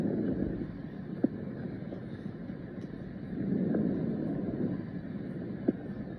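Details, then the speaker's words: Posterior thorax auscultation over the peripheral lung fields, clavicles to T9: soft, low-pitched rustling breath sounds, longer on inspiration than expiration: normal vesicular breath sounds. "over peripheral lung fields from the clavicles to t9 you should hear vesicular sounds they are soft low-pitched rustling sounds that are longer on inspiration than exploration they sound like this"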